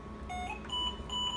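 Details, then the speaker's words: Repeating electronic alarm tones over low room hum from a ventilator during setup, not yet connected to a patient (settings: rate 12, tidal volume 500); ventilator alarm. "alarms going to keep going off because it's not connected to a patient right now"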